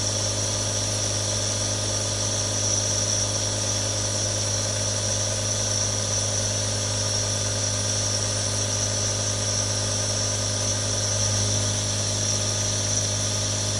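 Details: Real nebulizer, one of three recorded: steady motor hum with a constant hissing spray, unchanging throughout; compressor running normally.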